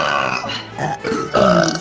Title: The Burps!